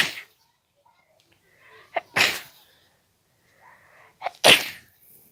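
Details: Two very wet, forceful uncovered sneezes, each preceded by a catching in-breath, with tissue paper tearing audible.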